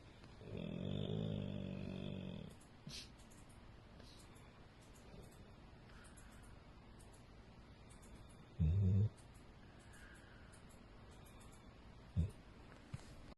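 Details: Female Pitbull–American Staffordshire mix dog snoring in her sleep: a long, low, rumbling snore, then quieter breathing with a couple of short snorts.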